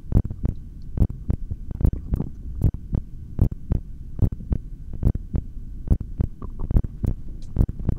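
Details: Normal heartbeat heard through a stethoscope: steady lub-dub at about 70 beats a minute during a record 4:18 inhaled breath-hold; stomach growls may also be heard.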